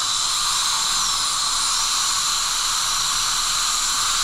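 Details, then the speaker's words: Class 5 gumline restorations on crowned teeth 4 and 5 with abfraction from historical grinding, no decay: steady high-pitched whine of a dental drill, coarse diamond bur roughening the surface for micromechanical retention before glass ionomer filling. Dental drill. "There's not really decay here, but I am going to create a little bit of micro mechanical retention. with the coarse diamond."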